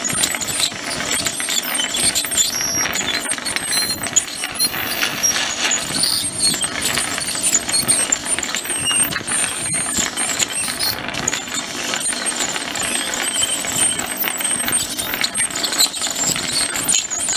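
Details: Ultrasonic tooth scaling on a pug dog at a veterinary clinic: continuous high, hissing whine with scraping and spraying noise as the scaler cleans the teeth.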